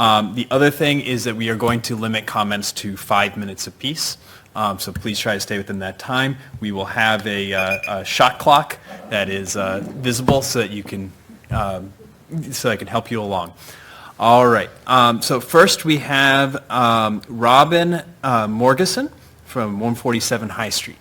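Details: Adult man speaking; no voice disorder.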